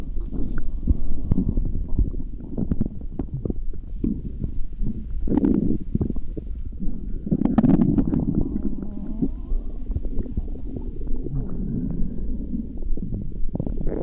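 Continuous low gurgling and rumbling of a growling stomach, ordinary bowel sounds.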